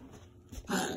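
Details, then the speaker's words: Dog coughing again right after being brought back inside from a walk, where he did not cough: a sudden harsh, throaty cough after a brief quiet moment in a small room. "I just now brought him inside as soon as I got him right you know right there he started that coughing again"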